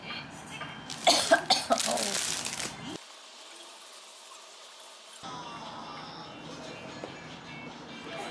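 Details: Mother of a 9-month-old coughs while cleaning a mat; a quick run of three or four short, harsh adult coughs with background music throughout.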